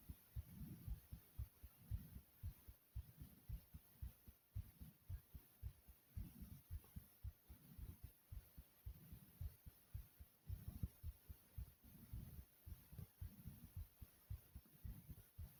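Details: Normal heartbeat, own heart sounds recorded; thumping beats at roughly 110 a minute, fairly regular, over a faint steady hiss.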